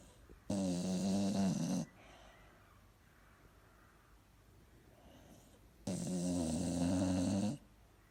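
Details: An old female Springer Spaniel snoozing on a Sunday afternoon gives two long, loud, rumbling snores with quiet between them, before waking up; loud snoring.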